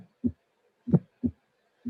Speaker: So this is another example with the construction of the murmur. You will listen first and second sound, then you will listen the click, and then you will listen the murmur.